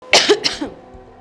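An adult gives three quick, harsh, dry cough bursts, acted to illustrate a dry cough.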